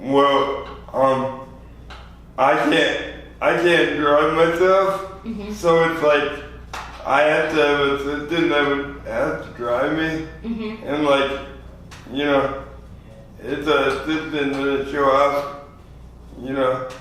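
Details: 24-year-old man with lifelong spastic quadriplegic cerebral palsy after premature birth at 2 lb 4 oz; dysarthria (spastic, cerebral palsy).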